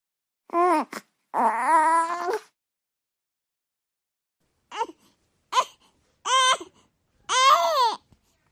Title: Baby Crying sound effect _ baby screaming and crying _ baby noises #𝙖𝙣𝙜𝙧𝙮𝙨𝙤𝙪𝙣𝙙 #babycrying